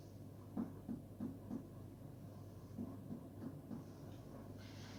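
Two sets of four short, soft, low thuds from finger tapping over steady room hum; a dull percussion note over the liver, a normal finding.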